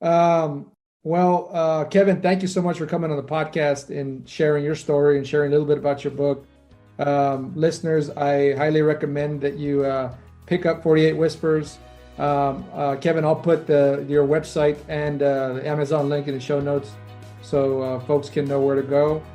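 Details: Adult man speaking; normal speech.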